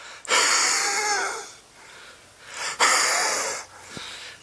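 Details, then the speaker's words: Two long, noisy breaths with a faint whistling edge from an adult with a chesty cough lasting over 3 weeks, treated for asthma with an inhaler and pills; feels a little less wheezy and improved; wheeze. "yeah I think I'm a little bit less Wheezy definite Improvement there let's have some more"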